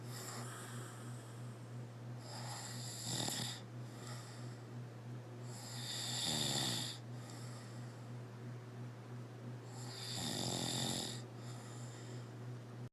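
Loud rattling snores with each breath in, about three in twelve seconds, over a steady low hum; ordinary snoring.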